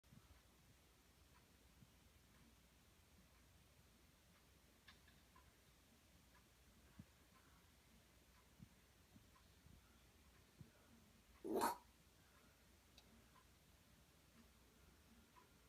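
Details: Female bearded dragon making repeated puffing sounds that mimic a cough; vet X-rays and tests found nothing wrong, and a reptile specialist judged it an aggressive display toward something intimidating her.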